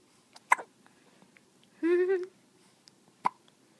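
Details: Infant girl aged 2 months 17 days, smiling, with hiccups: two short, sharp hiccup bursts about three seconds apart, with a brief voiced baby sound between them.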